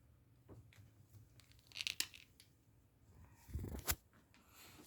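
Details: Crackling, crunching pops from the left knee as the person stands up from a squat, heard with an ear held to the kneecap; knee crepitus.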